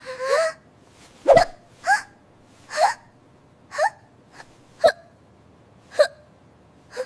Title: The Hiccup Cure